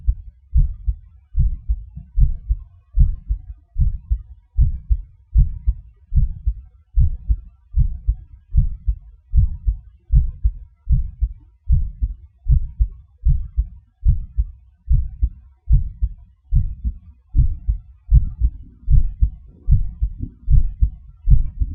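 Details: Normal heart sounds recorded with gated MRI: steady low heartbeat thumps at about 76 beats a minute in a regular rhythm.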